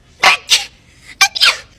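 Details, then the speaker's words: Woman sneezing, acted in a compilation, apparently triggered by pepper: several short sharp sneezes in quick succession that grew deeper; sneeze. "Oh, your sneeze got deeper. Are you okay?"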